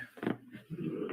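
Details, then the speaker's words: Pet Schnauzer snoring under a desk: low, rough, snorting rumbles in a quiet room. "what is that noise isn't it no it's our Schnauzer snoring under the desk"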